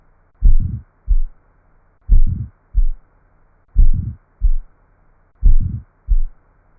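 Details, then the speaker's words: Heart sounds self-test question four: slow regular heartbeat with a crescendo-decrescendo whoosh starting at S1 and ending before S2, an ejection systolic murmur. "remember you are selecting the most appropriate description and the correct answer is ejection systolic [Applause] [Music] murmur"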